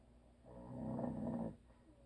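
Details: One loud, rumbling snore of about one second on an in-breath from an adult man, followed by quiet room noise; snoring.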